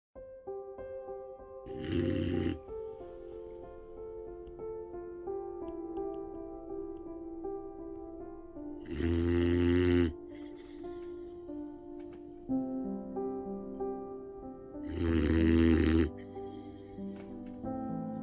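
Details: Boxer puppy in a deep nap on its owner's leg, snoring loudly: three loud, rough snores about every six seconds, roughly 10 a minute, with soft piano music throughout; snoring.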